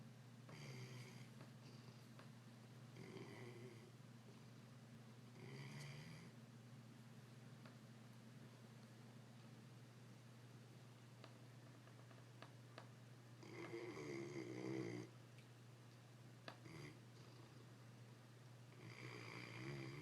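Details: English Mastiff snoring while asleep, said to sleep about 21 hours a day: repeated rough snoring breaths, about six in twenty seconds, over a steady low room hum.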